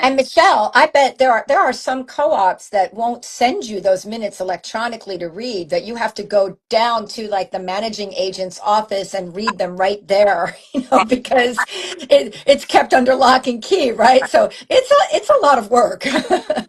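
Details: Adult woman speaking; normal voice.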